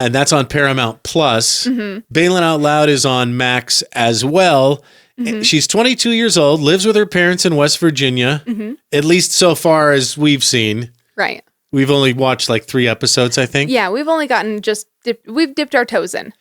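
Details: Adult speakers in conversation; normal speech.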